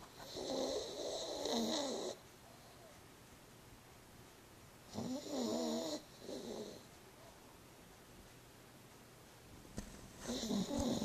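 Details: Rescued female pug, one week after rescue (previously underweight with prominent ribs and backbone), now content: three rattling, snorting snores of one to two seconds each, about twelve a minute, in a quiet room.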